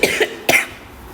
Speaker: കേട്ടോ, എനിക്ക് നല്ല ചുമയാണ്.